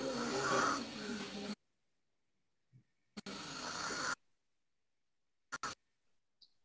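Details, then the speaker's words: Biphasic stridor, harsh and high-pitched in long drawn phases, from a patient with airway obstruction of narrowed vocal cords; the tongue is protruded to exaggerate the stridor. "The patient has kept the tongue out. The biphasic stridor."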